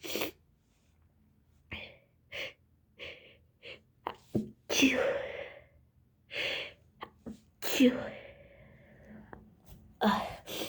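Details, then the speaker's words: Girl with a cold since yesterday, who also has allergies, coughing during a sneezing fit: short, irregular, quick coughs mixed with sneezes and catching breaths. "I know I'm coughing very weird. I'm sorry. They're coming very quick."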